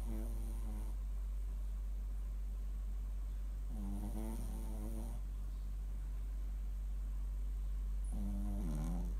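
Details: A sleeping Shih Tzu dog snores with three rattling, whistly breaths about every four seconds over a steady low hum.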